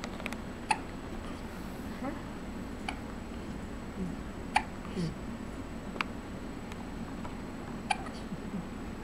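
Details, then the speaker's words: Faint, sharp, brief hiccups recurring every second or two over quiet room noise from an infant; common harmless hiccups. "ये हिकअप्स किसको आ रहा है? इसको ये निकाल दो इसको। टाइप करना। ये हिचकी कब बंद होगी?"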